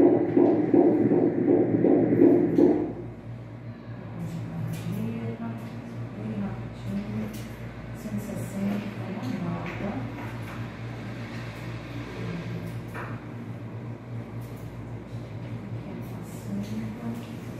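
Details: Fetal heartbeat on ultrasound at 16 weeks of pregnancy: rapid, regular whooshing pulses at about 160 a minute after a brief louder sound.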